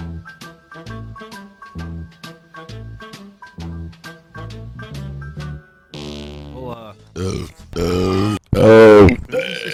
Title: Soup burp compilation part 2